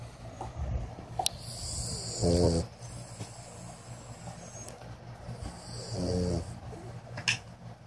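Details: Snoring in sleep: two low rattling snores about four seconds apart over steady room noise; ordinary snore.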